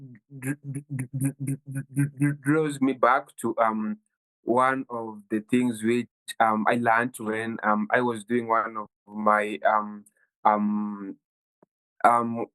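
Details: 23-year-old Kenyan man who has stammered since childhood, worsening at university; stuttering.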